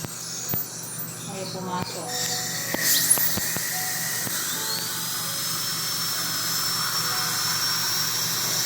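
High-pitched whining dental drill rising and falling, with a child's voice and soft music in the room.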